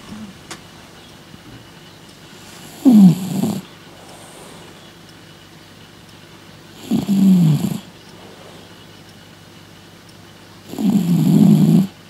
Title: Oliver the Snoring Cat